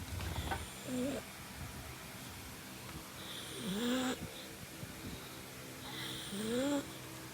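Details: Pug sleeping while sitting, snoring: loud whistling, snorting breaths every few seconds, about 20 a minute, with rising squeaky tones from a flat-faced dog.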